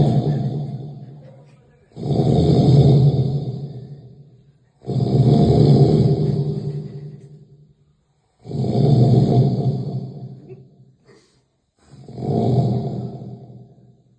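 Heavy, deep rattling snores, each swelling then fading, about 16 a minute, separated by quiet pauses.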